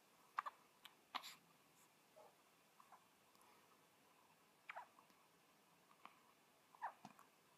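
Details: Seven-day-old newborn girl with hiccups that stopped after her back was rubbed: soft, brief, irregular little catches spaced a second or more apart in a quiet room.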